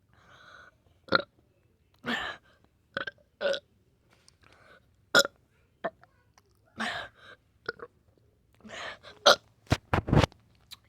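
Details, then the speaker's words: Person burping uncontrollably without known cause: a series of short, abrupt belches, about a dozen in eleven seconds, some clustered close together. "so i just decided to film this video because my my mouth keeps burping i don't know why but hear it"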